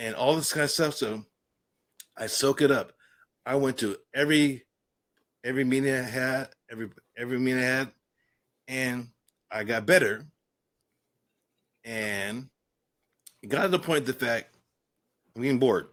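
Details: Adult man with aphasia following a stroke and traumatic brain injury, after a coma and later speech therapy; aphasia.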